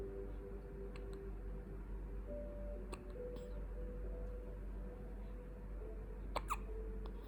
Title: 2 weeks old Baby Hiccup